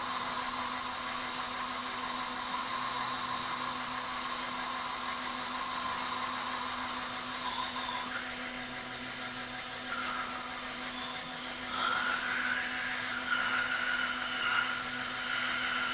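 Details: Dental drill during non-surgical placement of an anterior dental implant: a steady high-pitched whine with brief changes in pitch as it works.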